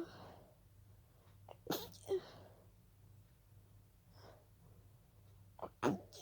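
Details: Three breathy, stifled sneezes with short in-breaths between them in a quiet room; a sneezing fit that began as a pollen allergy.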